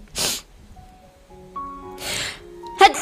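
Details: Young Chinese woman with allergy-type sneezing, newly developed rhinitis this year: several sharp, wet, explosive sneezes over soft background music.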